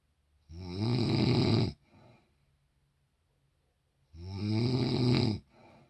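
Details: Mother snoring loudly enough to wake the father: two loud, rattling snores on inhalation, each followed by a softer exhalation, with quiet gaps; snoring.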